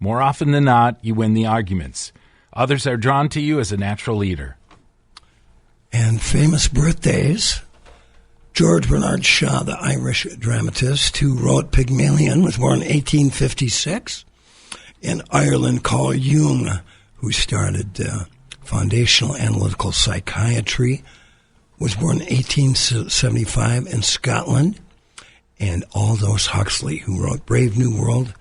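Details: Dysphonia in a man after recent loss of a vocal cord, which was not caused by the polio he had in 1948.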